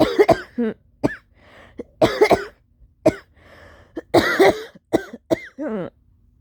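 Several forceful, harsh coughs in quick bursts with short pauses and gasping breaths between them: an intense coughing fit.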